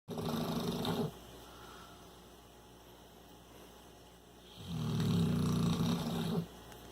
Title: More snoring